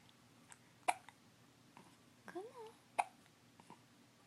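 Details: Baby girl babbling, then two sharp hiccups about two seconds apart with soft babbling between; ordinary infant hiccups.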